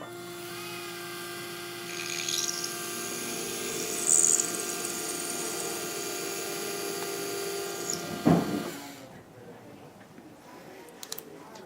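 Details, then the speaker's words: High-pitched whine of a dental implant drill running about nine seconds, then stopping: the single-use final drill for a 3.75 × 13 mm MIS C1 implant, buried to its single depth line while preparing the implant site. "this one is exactly the length i would need for this 13 millimeter implant there's only one line on the drill so i would bury the drill up until that line"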